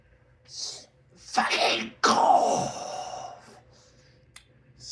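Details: An adult who vapes and is quitting cannabis strains to hold back a cough, giving a muffled burst then a forced, throaty release.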